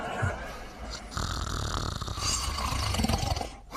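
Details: Low, rattling snore lasting a few seconds from a woman and her dog sleeping together; ordinary snoring.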